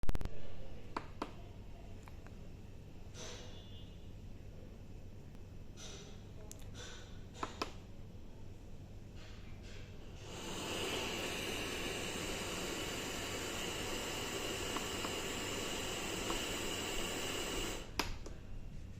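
Quiet room with a few clicks, then a steady blowing hiss of a CPAP/BiPAP machine running.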